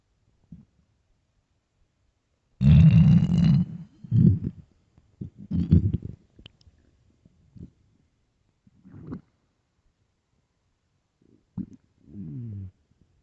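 Loud low growls and rumbles in irregular bursts, some drawn out and groaning: hunger stomach growling, a normal finding.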